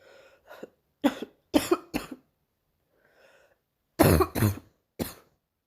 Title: morning cough part 2